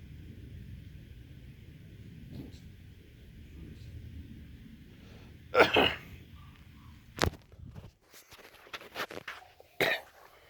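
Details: Loud, strong, forceful coughs in quick succession from an adult right after a first hit of DMT smoke, which tasted weird; low room rumble before; cough after smoke inhalation.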